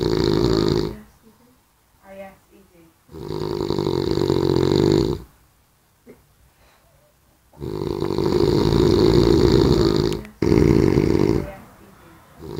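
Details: Loud, rough, rattling snores in long bursts separated by quiet pauses; heavy snoring while asleep.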